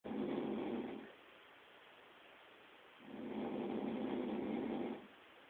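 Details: Snoring from a sleeping adult described as very drunk: two rough, rasping snore bursts separated by a quiet pause, followed by farting.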